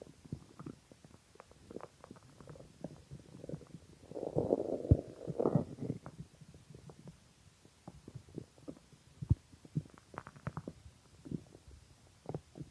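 Gurgling, bubbling stomach rumbles with a longer loud growl in the middle. Hunger stomach growling, which is normal.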